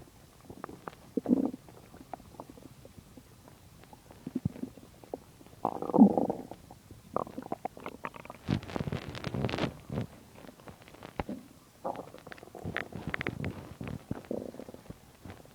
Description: My stomach digesting a lot of food :) My stomach is usually quiet so in this vid it surprised me :p